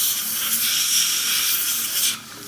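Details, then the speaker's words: A dental air syringe air-drying the teeth of one arch after Dryfield isolation with low-volume suction, before etching for orthodontic brackets: a steady high-pitched hiss of pressurised air for about two seconds, then it stops. "next thing I do is I just do one Arch at a time so I just air dry all of the two"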